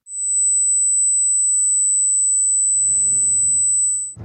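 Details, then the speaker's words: 8000 Hz pure-tone hearing test: a steady high-pitched tone lasting about four seconds that nearly everyone, at any age, should hear. "your job is to raise your hand if you hear a tone when it lands on a certain frequency and we're going to guess your age ready 8000 Hertz raise your hand if you hear something"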